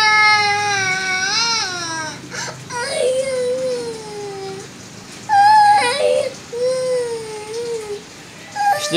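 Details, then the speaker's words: Infant cries in long, wavering wails with brief pauses, fussing and refusing to take a daytime nap while being put to sleep. "Gusto mong ibigay kita sa matanda ha iyak ka ng iyak Bakit iiyak pinapatulog ka lang ah"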